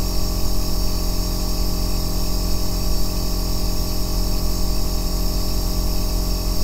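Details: Aerosol nebulizer running continuously, recorded as an ASMR white-noise track for sleep and relaxation: a steady deep hum and hiss, unchanging throughout, ordinary device operating noise.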